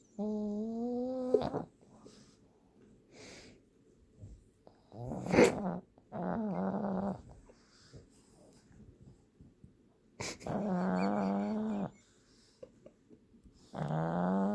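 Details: Pug Ruby asleep and relaxed in the owner's arms with her long tongue out, snoring: squeaky, whistling snorts and nasal snores in irregular bursts with quiet gaps.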